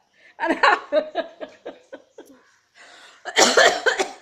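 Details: Someone being made to try to sneeze: a run of about eight short, rhythmic throat bursts, then a louder laugh-like burst; a brief bout of coughing.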